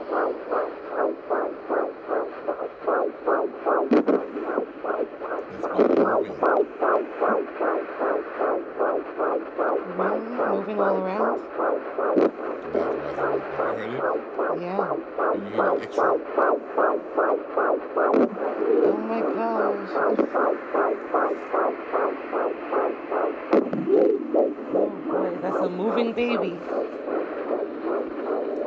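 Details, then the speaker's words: Fetal heartbeat at 14 weeks of pregnancy, picked up by the OB with a handheld Doppler during a routine office visit: rapid, rhythmic whooshing pulses at about 150 beats a minute. "super excited had no idea I was gonna hear the baby's heartbeat again today I am currently 14 weeks pregnant"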